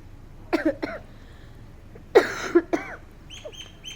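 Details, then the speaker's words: A mother coughs in two short clusters of sharp, partly voiced coughs, with faint bird chirps in the background: a plain cough. "आपको खांस रही हूँ मैं। हाँ हाँ खांसी आ रही थी ना मुझे, क्या करूँ?"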